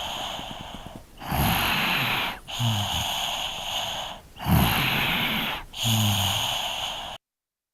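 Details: Snoring 3-year-old child, field recording with a Zoom H2n: noisy sleep breathing at about 20 breaths a minute, low rattling flutter on each breath, hissy background.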